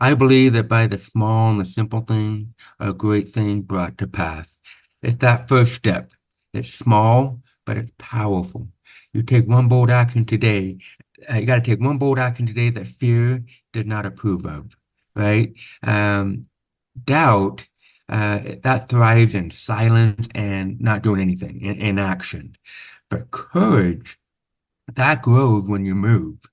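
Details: Man born with severe, profound (about 90%) hearing loss, after over 13 years of speech therapy, with what he calls a deaf accent; deaf speech (speech of a person with profound hearing loss).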